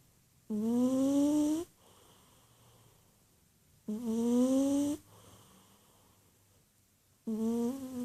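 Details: Cat curled up in a ball, deeply asleep and snoring: loud, rising, buzzing snores on each breath in, about 18 a minute, with quiet breaths out between.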